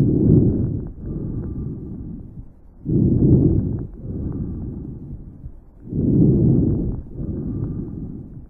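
Soft, low rustling breath sounds at about 20 breaths a minute: normal vesicular breathing.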